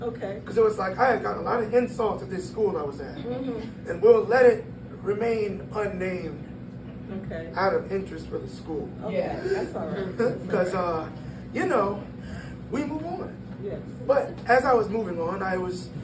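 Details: 22-year-old man born prematurely at about one pound, vocal folds developing after birth and still not closing fully; breathy high-pitched voice from incomplete vocal fold closure.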